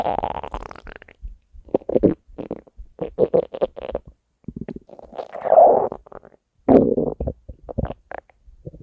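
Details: Hunger stomach growling from a compilation of three years of recordings: bubbling, gurgling abdominal rumbles in irregular bursts with short quiet gaps; borborygmi.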